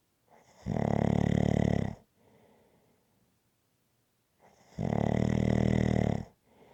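Loud, harsh, rattling inspiratory snores about 4 seconds apart, each followed by a softer out-breath. Heavy rhythmic snoring.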